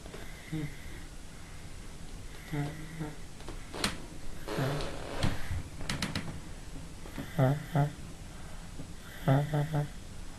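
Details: Soft, irregular, low rumbling snores on some breaths, with faint room noise and brief background sounds; ordinary snoring at the end of a three-hour nap, recorded in the dark.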